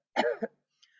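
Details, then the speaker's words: A sharp voluntary closed-glottis cough with an abrupt onset and a brief second burst, shown as the contrast to a huff cough for clearing secretions. "So huffing moves secretions without tiring out your body. So instead of coughing like this,"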